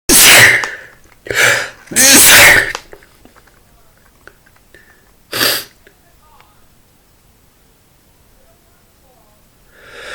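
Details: Male sneezing after getting things out of a dusty closet: four loud, explosive sneezes in quick succession, the first three close together, then quiet.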